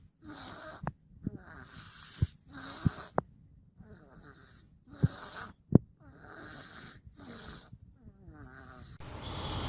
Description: Fumny babies making weird noises - funny babies sonring compilation..